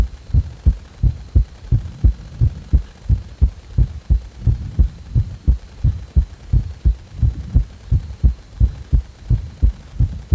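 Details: Palpitations with sudden heart rate acceleration, felt as a thumping shudder of the heart: strong regular low heartbeats near 87 a minute with slight pace changes.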